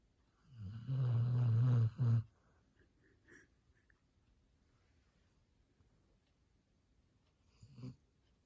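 One loud, low, rumbling snore lasting about a second and a half, then quiet breathing and a second fainter snort-like snore near the end.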